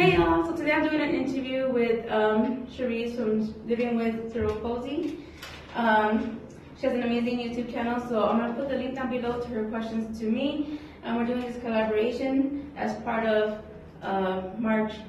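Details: Adult woman speaking; typical speech.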